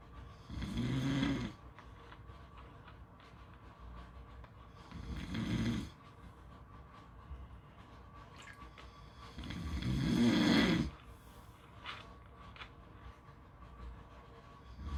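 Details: Three loud, rough snores at slow, even intervals, about 12 a minute, with quiet breathing between and faint background noise.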